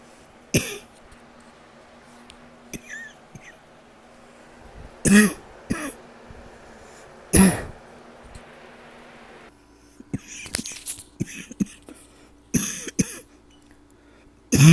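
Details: Several short, muffled night-time cough bursts separated by quiet pauses, deliberately suppressed to stay quiet: nocturnal cough.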